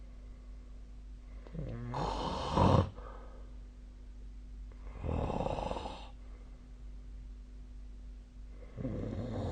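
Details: Snoring during sleep, tracked with the SnoreLab snore-monitoring app: loud, rough snores on each breath in, about three every ten seconds, over a steady background hum.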